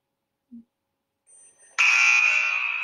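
A faint click, then a steady, fairly deep buzzing tone lasting about a second: the exposure sound of an X-ray machine.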